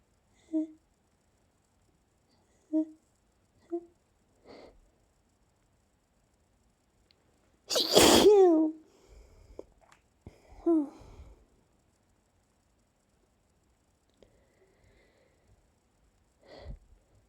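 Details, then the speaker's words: Repeated sneezes during an ongoing sneezing fit, announced aloud ("I'm gonna sneeze"), with an itchy nose: catching breaths build to one loud, forceful sneeze, then a smaller vocal sound and quiet sniffs. "I'm gonna sneeze. I'm gonna sneeze. Again. Yeah. What the fuck? Oh, I'm dying. I nose just itches so much. I'm gonna sneeze."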